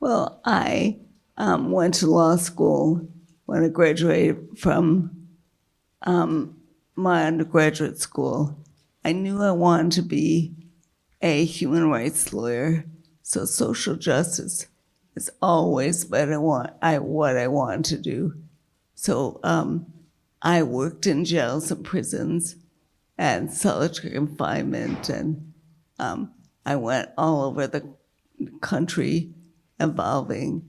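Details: Dysarthria in a woman with multiple sclerosis progressed to quadriplegia, whose failing diaphragm makes keeping her voice a struggle; she earlier lost her voice and word-finding after a large brain lesion.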